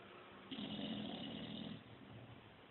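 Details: Snoring in a Bulldog: a single rough, rattling snore on a breath lasting over a second, then quieter breathing.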